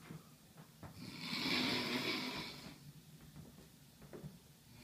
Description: My husband citron down some serious logs